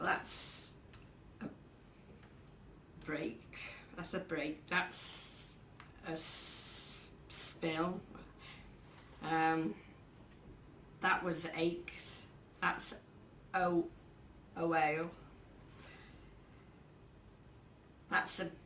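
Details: Woman about two years into primary progressive aphasia with a progranulin gene mutation and marked left-hemisphere atrophy, naming pictures; agrammatic, severely anomic, some jargon, impaired repetition worse for phrases than single words; finding: primary progressive aphasia (agrammatic, anomic, with jargon).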